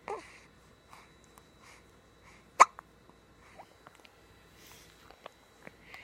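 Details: Pet hiccups: short, sharp, soft hiccup sounds about once a second at slightly uneven intervals, quiet breathing between; owner notes they keep the pet from sleeping.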